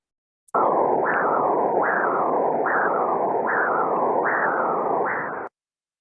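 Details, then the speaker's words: Transcranial Doppler signal from a vessel in the Circle of Willis: rhythmic whooshing flow that surges with each heartbeat, about 75 a minute, heard while insonating the vessel. "so that was an example of us using the listening so when we're insulating the vessels we are actually using our you know our site as well as our sound so different um places within the Circle of Willis sound a little bit different"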